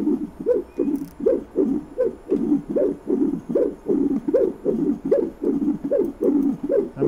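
Regular pulsing Doppler whooshes at about 77 beats a minute, each with a rising swish and softer echo: a normal tissue Doppler signal of right ventricular function.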